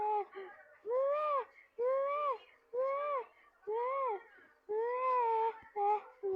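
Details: Infant crying in short bursts about once a second, out of breath, with gasping catch-breaths and brief hiccup-like sounds.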